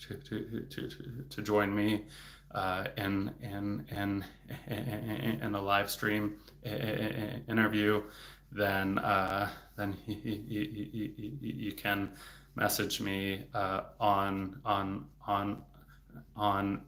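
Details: Adult male speech-language pathologist who has stuttered since age eight (third grade), severity increasing in his teens and currently in a period of more stuttering; word and part-word repetitions and blocks: stuttering.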